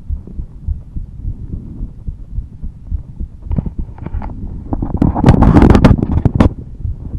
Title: My Slightly Calm Heartbeat (audio only)